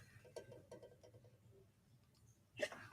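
A few short catching breaths, then one loud, sharp sneeze near the end, an ordinary spontaneous sneeze.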